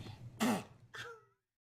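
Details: Baby sneezing, from a compilation: one brief sharp burst of air, then a short voiced sound as it fades; a small sneeze.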